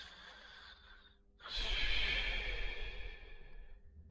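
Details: Simulated cartoon snoring of two sleeping dog characters from a 1990–1992 TV series: a pause, then one long, noisy, sighing breath out; staged snoring sound effect.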